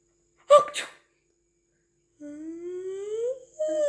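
A short double sneeze, then a young child's rising, sing-song giggle in reply.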